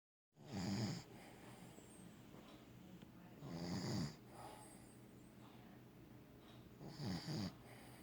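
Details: During sleep, three loud, rough, rattling snoring breaths about 3 seconds apart, roughly 19 a minute, over quiet breathing; snoring.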